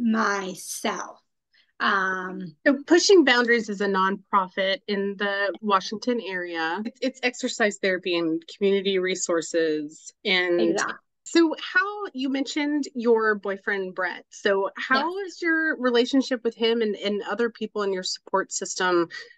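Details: Adult woman speaking; normal speech.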